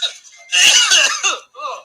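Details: Voluntary cough: a police officer in Baltimore deliberately coughs at residents. One forceful, deliberate cough burst with brief voice sounds before and after.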